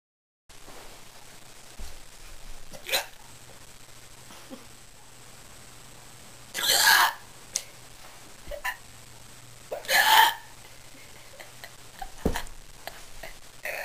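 Several sharp, abrupt hiccup sounds at irregular intervals against a quiet room background; repeated hiccups.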